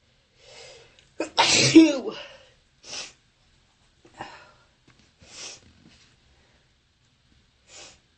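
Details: One loud, harsh sneeze followed by sniffing and short breaths, in a person with bronchitis who sneezes repeatedly; sneezing.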